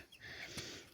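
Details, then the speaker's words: A brief, sharp snort-like burst from a young naked-neck chick on its first outing in the yard, heard as a small sneeze against soft outdoor noise; owner is unsure why the chicks sneeze and cough. "Слушайте, почему они так, знаете, как типа чихают, кашляют? Может, это такой вид голошеек, потому что и те, и эти так делают."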